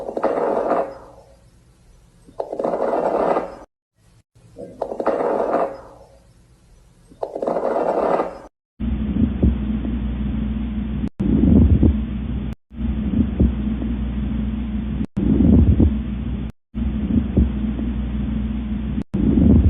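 Repeated breath cycles, about 16 a minute, with short popping and crackling sounds over the breathing, most clearly in the later, more muffled recording. These are crackles (crepitations), an abnormal lung sound made as small airways snap open, often with fluid or secretions in the lungs.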